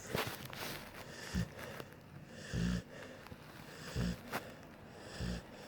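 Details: Four short, low snorting snores about every 1–1.5 seconds, with background rustling, from a sleeper ("buddy") lying so close to the edge he almost falls off; snoring.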